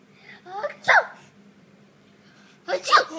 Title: Baby laughs at brothers sneeze